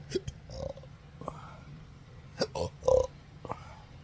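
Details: Several abrupt throaty gulps and short belch-like bursts in quick succession, in an adult with hiccups since December 2015 after surgery causing nerve damage (pudendal); hiccups with belching.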